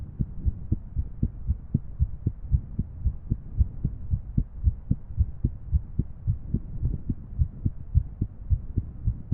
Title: Female 3D Irregular Heart Model